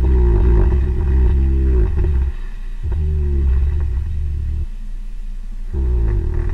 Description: This video clip of a snoring black bear is from infrared illumination of the bear in its hibernaculum in Fairbanks, Alaska.